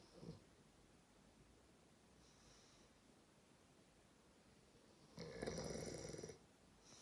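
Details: Sleeping bulldog: quiet breathing with a loud, rattling snore near the end; ordinary snoring for a flat-faced dog.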